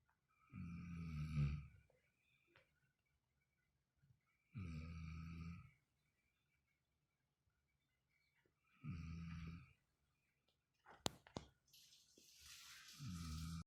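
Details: Snoring: loud, low rattling snores on each breath in, about four per 13 seconds, with quiet pauses between; ordinary snoring.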